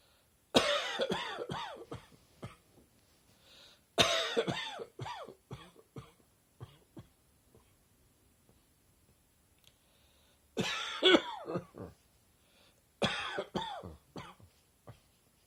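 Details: Summer morning allergy cough from airborne irritants in warm weather tickling throat and chest; four bouts of dry, hacking coughs, each several quick bursts trailing off.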